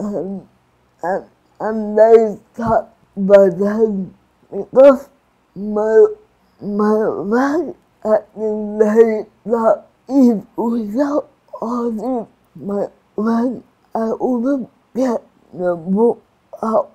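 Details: Adult woman with cerebral palsy, with slurred speech and restricted movements; dysarthria (cerebral palsy).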